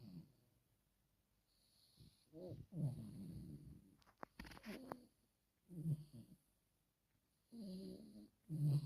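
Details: Chihuahua snoring in its sleep: soft, low rumbling noises recurring every few seconds with quiet gaps, and a brief click midway.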